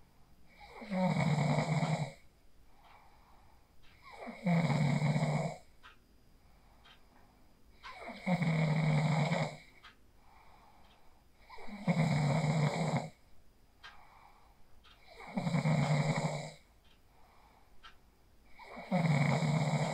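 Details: Real sleep snoring recorded on a phone after practicing the 4-7-8 breathing technique: steady, rhythmic snores on each inhalation, about 17 breaths a minute, with quiet exhalations between; regular snoring.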